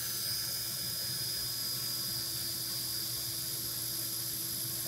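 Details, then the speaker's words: Surgical drill driving wire into bone: steady high-pitched whine of a powered drill driving a drill-tip wire through hard bone toward the tunnel during transiliac transsacral pelvic fixation with a CurvaFix Low Profile implant. "hard bone here. So, it'll be a good use of our drill tip wire that's heading right to the tunnel."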